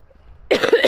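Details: Cough from an adult woman who is struggling to talk.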